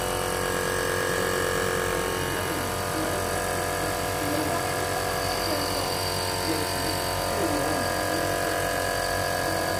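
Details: Steady buzzing hum of a running nebulizer, with faint child vocal sounds in the background, during treatment of a child with cough and cold; nebulizer running.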